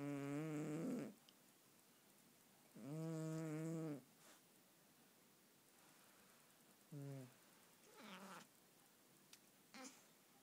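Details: Snoring in a sleeping cat: soft, buzzy, tonal snores about one every few seconds with irregular spacing.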